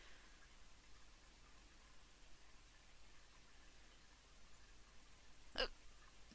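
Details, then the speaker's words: A single short, sharp gulping hiccup in a quiet room, one of a bout of hiccups. "[ __ ] hiccups. Sorry. I have hiccups. What the hell? Can you hear that?"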